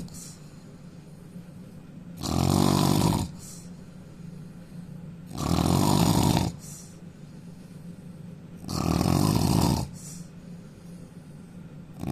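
Loud, harsh, rattling snores recur about every three seconds, roughly 18 a minute, over a steady low hum between them. Heavy snoring.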